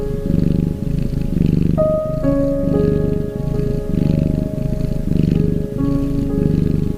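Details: Soft, rhythmic low rumbling snores from a sleeping cat, one with each breath, partly masked by background music: snoring.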